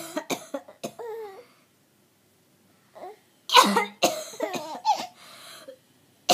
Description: Mom's coughs are really funny